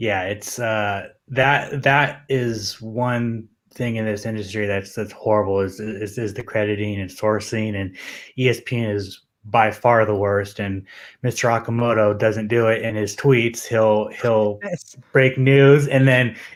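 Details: Adult male MMA journalist with a self-reported stutter that he says becomes audible when he gets nervous; stuttering.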